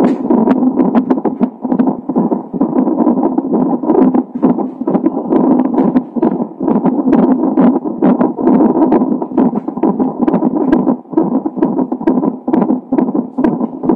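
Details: Fetal heart tones of a baby with Down syndrome, recorded on a fetal monitor a few hours before birth: a fast, steady galloping whoosh at about 130–140 beats a minute.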